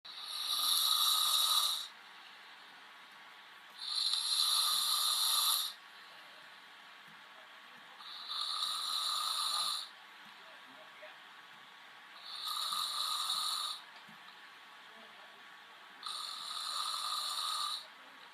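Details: Five hissing, rasping snores recurring regularly, each about two seconds long, with quiet pauses between: a man snoring.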